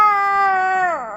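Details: Infant crying after waking up while adults urge the baby to cry louder and mention the power went out; a single sustained wailing cry with a falling pitch at the end.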